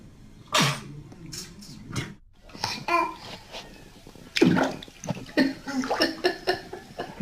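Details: Baby sneezing from a compilation of babies' sneezes: short, sharp bursts of sneezing mixed with adults saying "bless you" in the room.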